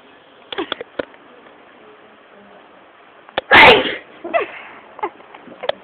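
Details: Boy sneezing during a morning sneeze attack: a few quick sniffs and catching breaths, then one sharp, loud sneeze, followed by softer breathing.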